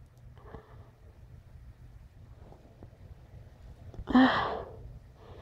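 Quiet sniffing, then one short, breathy sneeze near the end.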